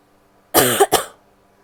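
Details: Female giving a brief, harsh cough quickly followed by a shorter second one, two coughs in rapid succession in a quiet room; cough.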